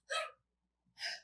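Two short, noisy breaths with a faint whistling, musical edge, consistent with mild wheezing.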